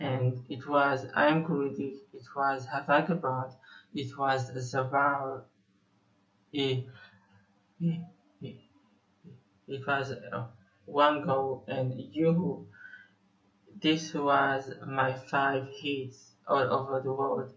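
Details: Stuttering in a 25-year-old male Israeli musician who describes himself as having stuttered for almost 21 years.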